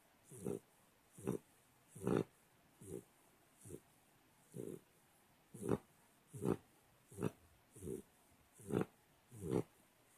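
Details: Pitbull snoring: short, snorting, grunt-like snores, about 76 a minute in a fairly steady rhythm.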